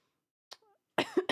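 A short, harsh throat sound followed by a loud, rough cough burst and the start of another: a lingering productive cough after flu.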